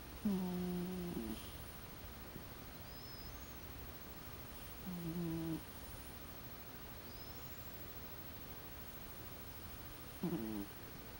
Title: lightly snoring